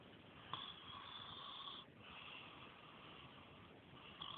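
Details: Person snoring during sleep, steady whistling, wheezy snore sounds with one brief pause; described as terrible.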